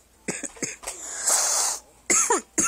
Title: Excuse the coughing.